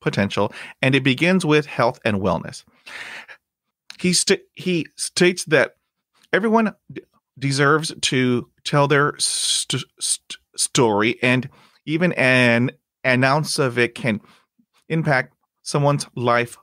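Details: Adult man who stutters, with blocks and repetitions in his own speech; stuttering.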